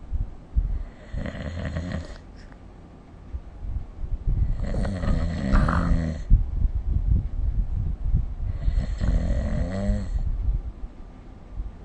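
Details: Human snoring recorded with the SnoreLab app: three loud, rattling snores about every four seconds, roughly 15 a minute, with quiet breathing between them.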